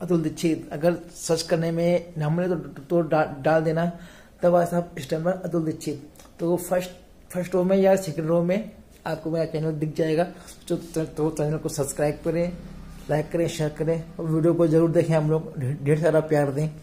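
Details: Male speaker who stammers; sparse transcript may reflect blocks or pauses; stuttering.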